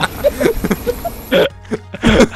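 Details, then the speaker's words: Adult's powerful "emergency" sneeze during a gaming video chat, over game music and background noise, followed by a second short burst; the sneezer possibly has allergies. "sorry that was a powerful one bless you thank you jeez that was that seem like an emergency sneeze"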